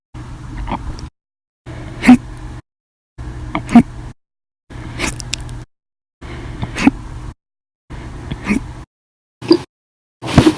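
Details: Hiccups lasting 13 hours 20 minutes after meals and a cup of soda: abrupt short catches in the breath, about one every two seconds, between stretches of silence.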